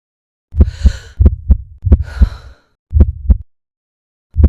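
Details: Simulated, artificially created and edited heart sound from a remixed CPR scenario of a woman in pulseless fibrillation: regular paired low thumps at about 70 a minute, with breathy sighs over the first beats.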